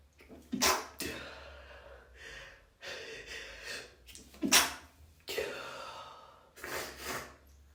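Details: Congested, messy sneezing: a run of about four bursts of wet, congested sneezes with sharp gasping intakes between them.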